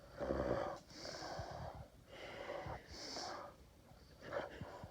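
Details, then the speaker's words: Sleeping dog snoring, with rough, snorting snores on each breath and a whistling hiss at the end of some breaths. "What were you doing? Make a lot of noise. Yeah. You were making a lot of noise."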